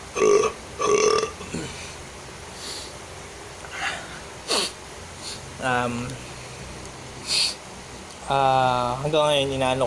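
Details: A deliberate burping performance: a run of loud, drawn-out voiced burps produced one after another.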